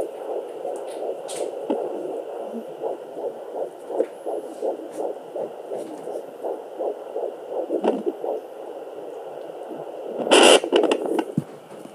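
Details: Fetal heartbeat at 12 weeks of pregnancy on Sonoline B home fetal Doppler: rapid, regular whooshing pulses in the 160s per minute, with baby kicking and swimming noises and scratchy probe placement sounds.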